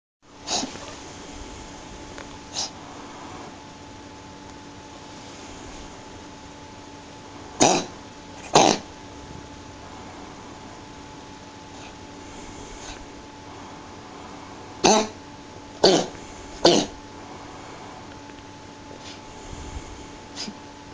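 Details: A cat coughing: short, harsh bursts, several in quick pairs and triplets, over a steady household hum.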